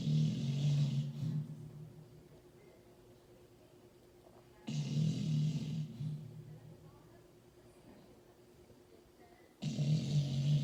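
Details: Sleeping dog with loud, low rattling snores on each breath in, about every five seconds, with quiet breathing out between; snoring.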